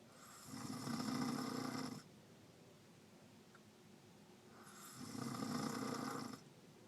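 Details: Snoring in a sleeping grandmother: two long, rattling inhaled snores about four seconds apart, with quiet breathing between.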